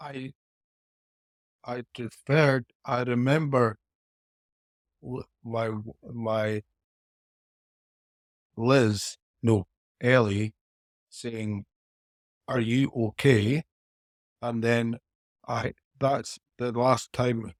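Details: Aphasia in a 49-year-old man four years after a haemorrhagic stroke of sudden onset; his speech is still inconsistent, with mixed-up words, better on some days than others.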